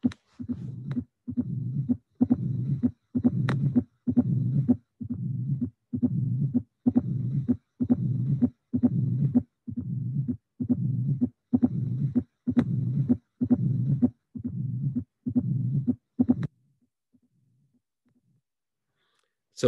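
Regular heart sounds about 65 a minute with a low rumbling diastolic murmur of tricuspid stenosis varying with breathing.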